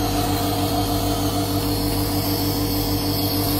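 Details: Simulated nursing demonstration of nebulizer therapy for a breathless adult female patient, inhaled about 10–15 minutes: steady mechanical hum with constant low buzz and hiss of the running nebulizer compressor.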